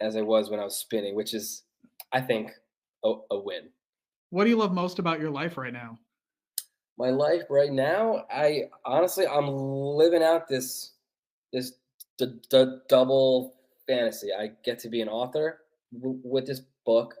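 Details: Stuttering in an adult male author who has stuttered since childhood, which he calls a speech impediment.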